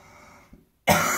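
A single sharp, loud cough burst after a quiet pause, in an adult with a mild illness.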